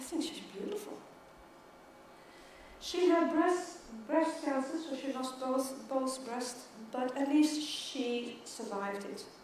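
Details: Stuttering in an adult woman who stutters, a keynote speaker at a world congress for people who stutter.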